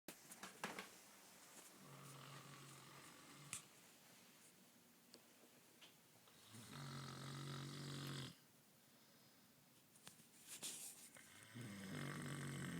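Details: Sleeping person snoring, not waking when called: two low, rough snoring breaths among rustling and room noise.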